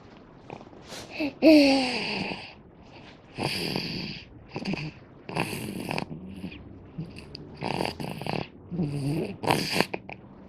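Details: Baby snoring after a long day: repeated soft snorting breaths with a whistly, rattly quality and a brief squeak.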